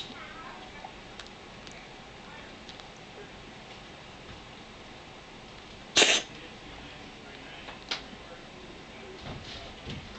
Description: Ava, my cat, sneezing her head off.